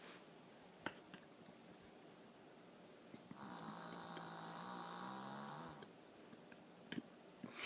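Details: Female dog with a weird snoring sound: a single long, rumbling snore during a breath in, quiet room noise with faint clicks; snoring.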